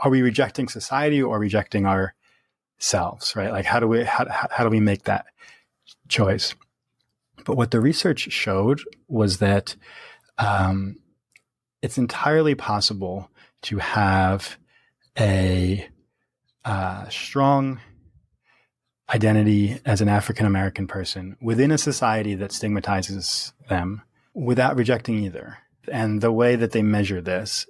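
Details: Stuttering in an adult man who stutters, speaking naturally in conversation.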